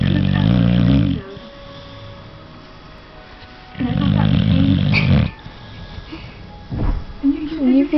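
Loud, deep, rumbling snores on each in-breath, with quieter out-breaths between them and a faint tone in the background.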